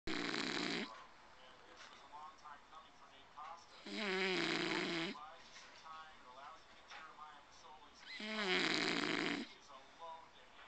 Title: Snoring Bulldog